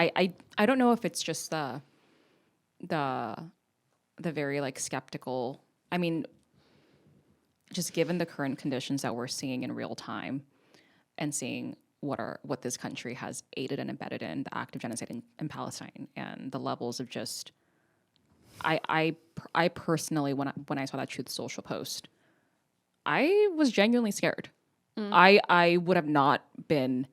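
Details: Adult speaker; stuttering.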